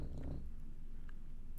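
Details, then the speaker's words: Steady, low, rumbling purr-like drone from a dog resting under a chair; snoring. "then to add insult to injury bugs is right under my chair he's snoring i'm sure you can hear him already"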